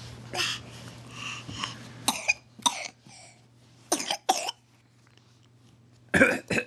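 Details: Young child deliberately fake coughing and blowing raspberries: several short, deliberate voluntary coughs with quiet breathy sounds between.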